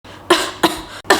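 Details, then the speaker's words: Three harsh, forceful coughs in quick succession from an adult, acted in a cough syrup advertisement; the character complains of nonstop coughing. "直咳不停，这样做工哦，吃了这样多药，很累又爱睡啊，我的肺都要咳出来了啊！"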